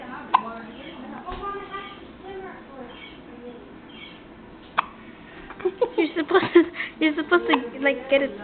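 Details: Hiccups in a child: two sudden sharp hiccup clicks several seconds apart, then the child's chattering voice and adult talk.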